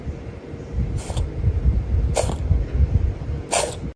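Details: Cat sneezing: three quick, small sneezes over a low rumbling background.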